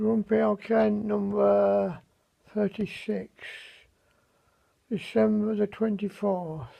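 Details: Severe dysarthria in a man after a stroke in early May, with very limited mobility; he says his voice is severely affected.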